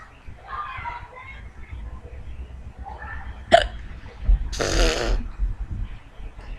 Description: I had the hiccups and was trying to explain how i get rid of my friends hiccups... But failed by hiccuping